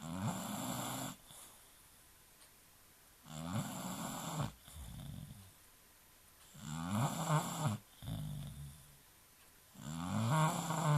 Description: Charlene The British Bulldog Sleeping Peacfully. / No One Else Can Sleep At The Same Time However.